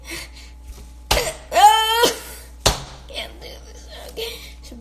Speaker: guys, I have the hiccups. How to get rid of the hiccups.